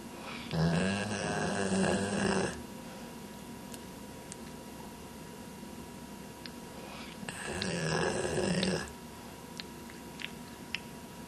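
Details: A sleeping dog gives two long, loud, rumbling snores with a fluttering low buzz, separated by quiet pauses; ordinary snoring.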